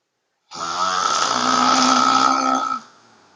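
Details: Self-described frequent loud snorer recorded at home by a sibling: one long, loud, rough, rattling breath lasting about two seconds with a steady buzzing tone; snoring.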